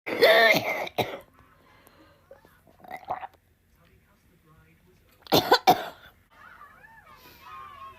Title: tiktok cough comp 6